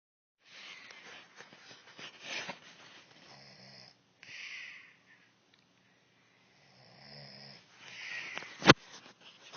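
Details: Wife snoring during sleep: soft, uneven breathy snores with faint whistling tones and a sharp click near the end; light snoring.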